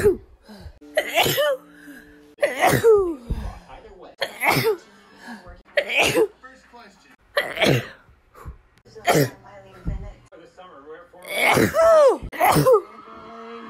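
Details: Compilation of about eight forceful adult sneezes, each with a voiced burst; ordinary sneezing.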